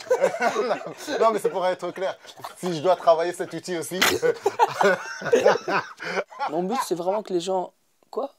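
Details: Young male speaker, French; ordinary speech.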